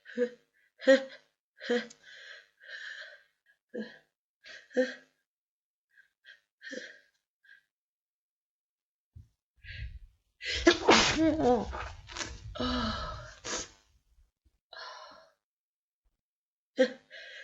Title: Wet cold sneezes & build ups